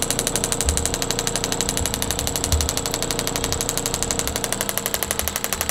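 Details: Radial shockwave therapy device on a patient recovering from total hip replacement, chiropractic treatment starting at one bar: rapid steady mechanical tapping about four pulses a second with motor hum, about 2,000 pulses per treatment area.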